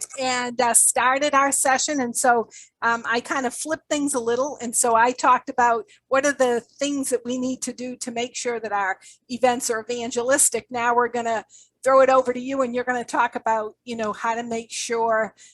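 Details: Adult woman speaking; normal voice.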